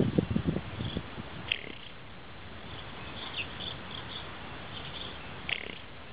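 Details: Heavily pregnant alpaca napping in the afternoon: a brief low rattling snore, then quiet breathing with outdoor insect or bird chirps.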